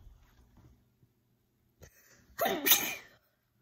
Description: Sneezing from my dog’s pet dander